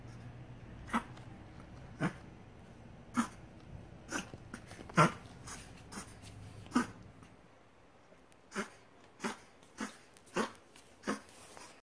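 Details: Chihuahua reverse sneezing, which sounds like coughing: a run of short, harsh snorting bursts typical of a reverse sneezing episode.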